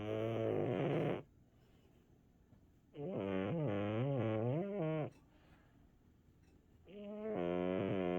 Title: Snoring cat that loves his nap time! #shorts #cat